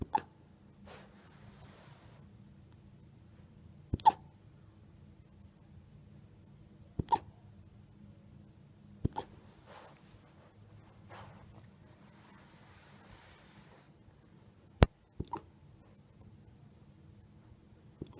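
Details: An eight-week-old gray wolf pup makes sharp, brief, abrupt hiccups every few seconds, about seven in eighteen seconds, over quiet room noise; hiccups.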